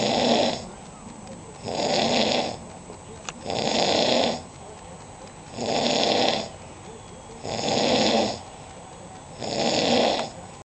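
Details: Heavy snoring in a friend: loud, harsh, regular snores about 30 a minute, each about a second long, with quiet breathing between.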